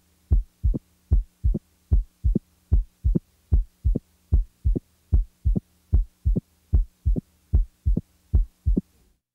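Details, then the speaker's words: Opening snap heard with the diaphragm pressed firmly: regular heartbeat near 75 a minute with a sharp, high-pitched extra sound 60–100 ms after S2 in early diastole, typically from mitral stenosis. "the third heart sound the opening snap is best heard with the diaphragm firmly pressed while the s3 is best heard with the bell lightly held"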